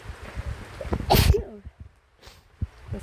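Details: Person sick with a cold sneezes repeatedly on a rainy day while staying in a tent, with rain sounds in the background.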